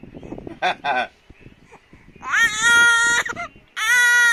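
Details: Short whimpers, then loud sustained wails from a baby; ordinary infant crying.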